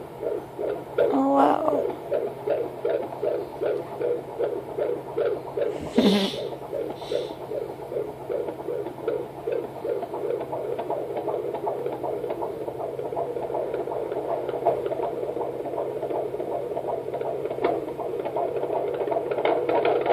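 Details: Fetal heartbeat on Doppler at 20 weeks (5 months) of pregnancy: fast, regular galloping whooshes at about 160 beats a minute, called good; normal fetal heartbeat.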